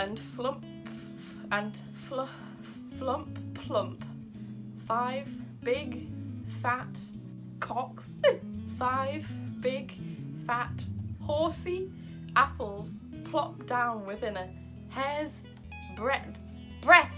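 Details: Tourette syndrome vocal tics in an adult woman, interrupting her reading of a children's story aloud.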